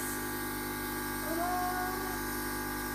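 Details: Nebulizer compressor running with a steady mechanical hum and whining tone during a roughly 10-minute albuterol breathing treatment for young child Charlotte, using a bunny-shaped nebulizer with mask; nebulizer compressor running.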